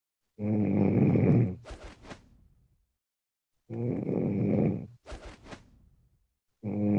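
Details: Sleeping adult's heavy snoring: loud, rough, rumbling inhaled snores about every 3 seconds, each followed by a brief snorting breath out, recorded at 4 a.m.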